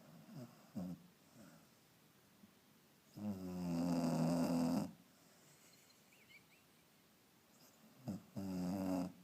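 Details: Sleeping dog snoring about as loud as it has ever been: loud, drawn-out rumbling snores with softer breaths in between; ordinary sleep snoring.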